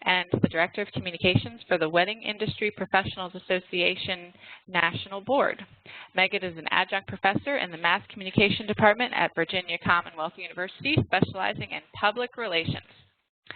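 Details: Adult woman speaking; ordinary speech.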